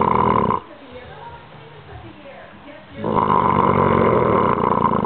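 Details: Old bulldog asleep, so loud he sleeps downstairs in his kennel: a loud, rough, rattling snore on the in-breath, a quieter pause, then another long raspy snore; snoring.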